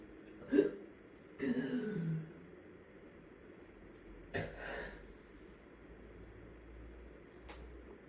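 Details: Adult with severe prolonged migraine status vomiting for days, later hospitalized for dehydration: abrupt strained throat bursts with short voiced heaving between quiet pauses, no coughing; retching during vomiting.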